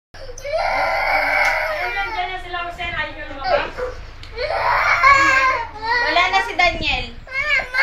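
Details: Loud, sustained wailing cries in long bursts with sobbing catches between them in a small room; an infant crying after a phone playing a Daniel Padilla video was taken away.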